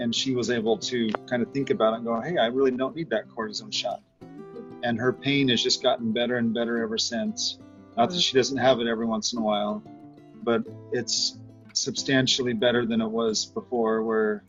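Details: Adult male speaker; normal speech.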